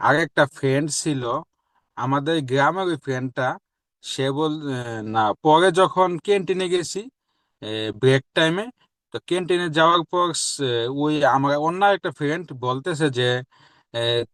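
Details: Adult man with stammering since early childhood, recorded after completing a 3-month stammering therapy course; some difficulty remains; stuttering.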